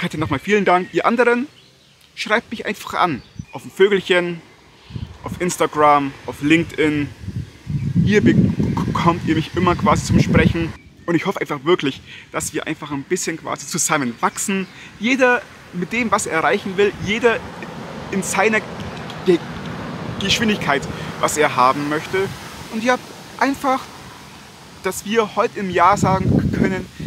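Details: Adult man who stutters, speaking German; stuttering.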